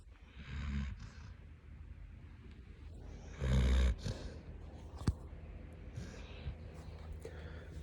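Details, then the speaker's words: Snoring from Greta, a female dog resting beside her owner: two low rumbling snores separated by soft breathing and faint room noise. "because laying here and and taking maloxicam every day isn't doing anything and i don't know you can probably hear greta snoring"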